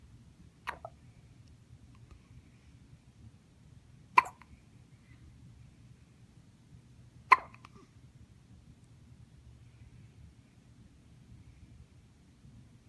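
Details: Hiccups: three sharp, brief hiccups a few seconds apart against a quiet room.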